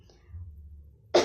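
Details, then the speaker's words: Nursing student demonstrating cough etiquette by coughing into the inner sleeve of the arm: a quiet low hum, then one short, sharp deliberate cough; voluntary cough. "Lengan baju kita yang dalam ya teman-teman. Contohnya seperti ini."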